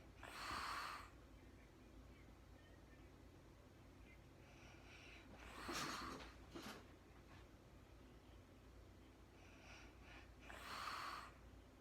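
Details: Adult woman sleeping in real time, very tired: soft rattling snores on the in-breath, about 12 breaths a minute, in a quiet room; snoring during sleep.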